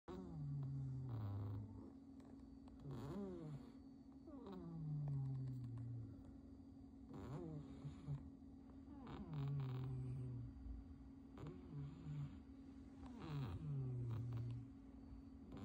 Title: 猫咪波妞真是呼噜大王Ponyo the cat is really the king of snoring